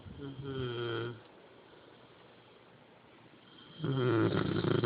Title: My lovely little dog snoring!